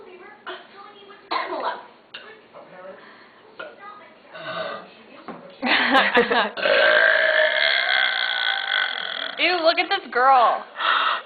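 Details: Girl deliberately burping: casual talking and laughter, then a long, loud, voiced burp lasting a few seconds; belching.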